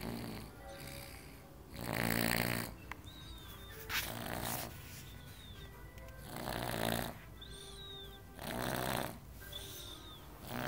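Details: Loud, rattling snores about every 2.5 seconds, roughly 24 a minute, over background music; ordinary snoring.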